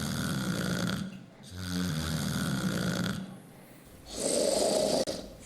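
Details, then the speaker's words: Illustrative sleep apnea snoring: loud rattling snores, a pause in breathing, then a harsh loud snort or choking sound, the pattern of obstructive sleep apnea. "sleep apnea may cause a choking sound snoring or even a loud snort that can sounds something like"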